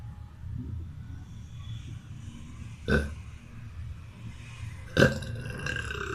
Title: Burping Boy